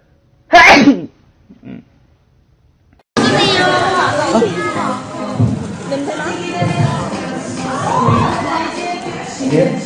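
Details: Single sharp sneeze from a K-pop idol, then a brief quiet sound, followed by loud speech and music in a large room; a sneeze.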